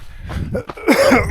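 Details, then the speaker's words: Adult recovering from severe flu of over two weeks, still with runny nose, out on a short run: a single short, partly voiced cough preceded by breathing; lingering post-flu cough. "this as you can hear I'm still coughing so yeah the situation is not perfect"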